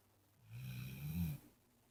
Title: Pit bull(LITTLE) snoring